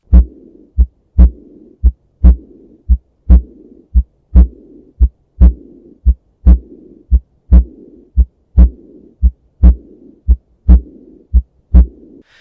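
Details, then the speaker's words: Pulmonic regurgitation in a child, a diastolic murmur heard best at the left upper sternal border: regular heartbeat near 57 a minute with a soft blowing murmur after each second sound. "pulmonic insufficiency or regurgitation is also a diastolic murmur sounds very similar the really only tip here is where you hear it the left upper sternal border"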